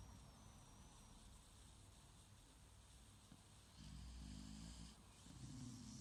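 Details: Soft, low rumbling breaths rising twice out of steady background hum on a Sunday morning: quiet snoring.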